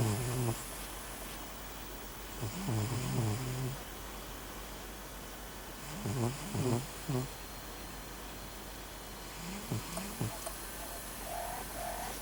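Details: Eleven-year-old cat snoring while asleep in a quiet room: soft, rough fluttering breaths every few seconds, with a faint tonal squeak near the end.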